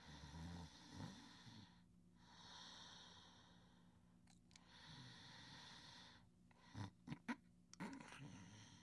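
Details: Sleeping subject snoring softly: quiet, soft rumbling snores and snorts with noisy, deep breathing in a small room.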